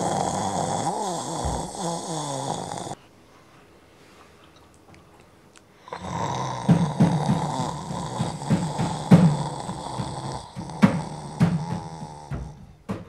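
Loud, rough, rattling breathing noises come in long bursts, with a quiet pause between them, typical of heavy snoring.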